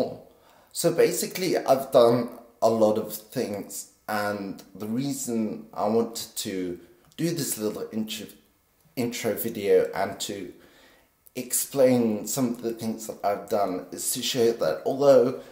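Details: Vocal tremor from essential tremor in an adult man, always very pronounced in his voice, still audible despite deep brain stimulation surgery at age 24.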